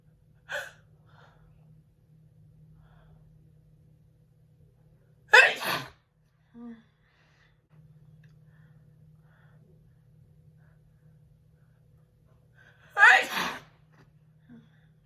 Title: Her Sneeze ll Personalized Video Big Sneezing!